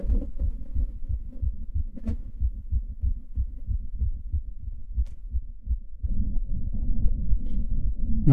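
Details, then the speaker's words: Grade 2 brachycephalic obstructive airway syndrome (BOAS) noise in a flat-faced dog: rapid, rough, noisy breathing heard through the stethoscope, not heard at rest but apparent after exercise. "next grade two this is more apparent now for your name ster you don't hear them at rest but it comes out post exercise"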